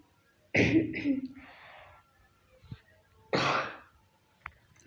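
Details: Adult woman who is sick: two coughs, the first harsh and voiced, the second a shorter dry burst.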